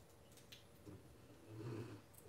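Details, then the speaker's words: Sleeping dog snoring in the background during a yoga session: one soft, low rumbling snore in a quiet room. "so i'm going to be quiet for a minute and see if you can hear bruno snoring"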